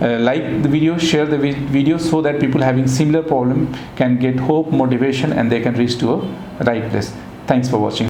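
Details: Adult male speaker; ordinary speech.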